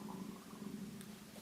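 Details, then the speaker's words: Loud low stomach rumbling from a hungry person making a video before lunch, at about quarter to two: stomach growling (borborygmi). "I'm really hungry, but I want to make this video before I make lunch with me and my friend."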